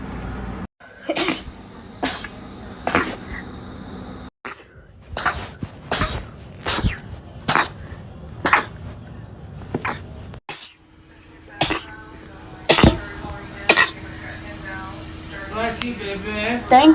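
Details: Rapid run of about a dozen sharp, explosive sneezes in quick succession, with brief background music; repeated sneezing.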